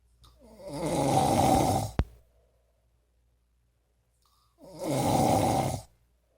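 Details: Loud snoring recorded January 2016, described as like a freight train: two long, loud, rough snoring breaths separated by silence, with a sharp click after the first.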